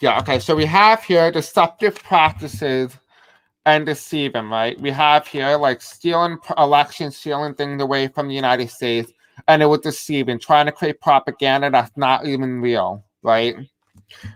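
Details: Deaf speech (deaf accent) in a male speaker who self-identifies as having a deaf accent.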